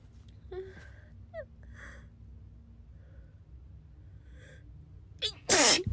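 Faint voice sounds and a quick in-breath, then one sharp, loud sneeze.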